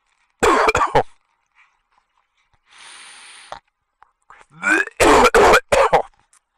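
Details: Harsh throaty bursts, a pause with hiss, then more forceful strained retching sounds from a motorcyclist in a helmet gagging in disgust while watching revolting videos.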